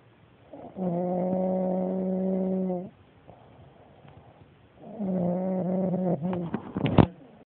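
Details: Two loud, drawn-out, humming snores about two seconds apart from a sleeping male relative, with quiet breathing between; tonal snoring.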